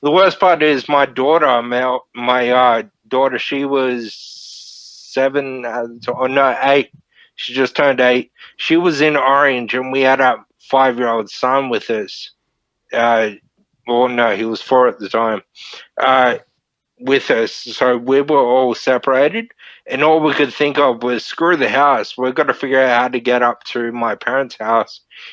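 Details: Man, 31, with Friedreich's ataxia diagnosed at 14, a neurodegenerative disorder; wheelchair user since about 23; he reports slurred speech and word-finding struggles as part of the disorder; finding: ataxic dysarthria.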